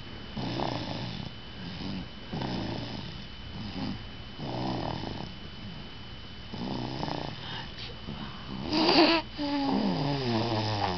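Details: Snoring during sleep: rhythmic, rough snoring on each in-breath, about eight cycles in eleven seconds, with a louder snort near the end.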